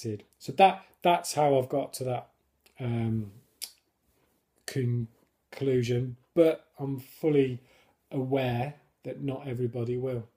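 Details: Adult man who stammers, now controlled with a technique learned on a course (blocks without it); he considers it a disability; stammering.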